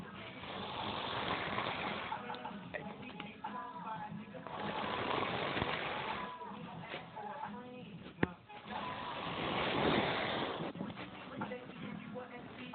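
Loud, rough snoring in slow, regular cycles about two to three seconds apart, each noisy, rattling breath swelling and fading, with faint room noise.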